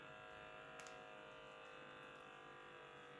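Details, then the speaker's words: Medisana BU 510 automatic upper-arm blood pressure monitor, cuff on the left arm near heart level, starting a measurement: steady electric pump buzz as the cuff inflates. "and then just start and it will start pumping air filling up with her this at my hand"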